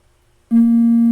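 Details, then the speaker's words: Enterolite Infinity enteral feeding pump priming tone: a steady, unbroken electronic tone while the prime button is held to clear air from the tubing after loading the set. "Prime. You have to hold this to prime."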